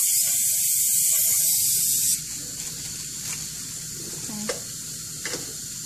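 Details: Steady hissing dental water syringe spray for about two seconds, rinsing excess prophy paste off the teeth after coronal polishing, then quieter room sound.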